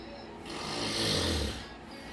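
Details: Loud snoring: one rough snoring breath that swells and fades over about a second, with steady room noise.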